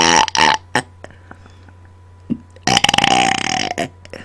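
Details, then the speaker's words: Deliberate, on-command burping close to a microphone: loud, rough, drawn-out belches in quick succession, including one long sustained burp. "okay I am burping into my microphone today so the sounds may get a little intense"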